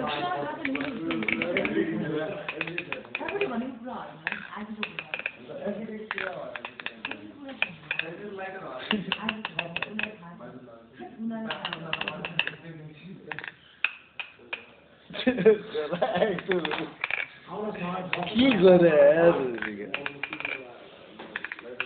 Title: scariest sleeping habbits teeth grinding